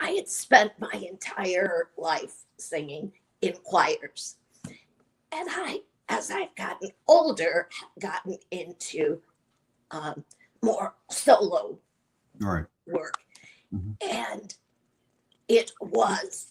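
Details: Adult woman with chronic dysphonia, treated with Botox injections into the vocal cords every three months; her voice is worse at times, with inability to produce certain sounds and voice shaking; dysphonia.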